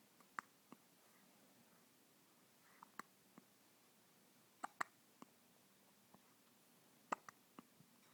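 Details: Baby with hiccups: soft, sharp hiccup clicks at irregular intervals, roughly 26 a minute, in a quiet room, described as sounding like a little froggy.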